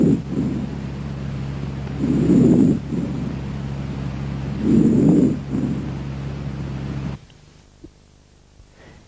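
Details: Normal vesicular breath sounds.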